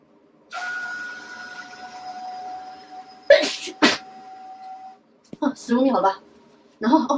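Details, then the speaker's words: A steady tone, then two sharp sneeze bursts and brief voices; sneezing set off by a COVID-19 nasal swab test, with tearing eyes. "真的不对，开始疯狂去打喷嚏。15秒吧，然后他真是疯狂流眼泪。"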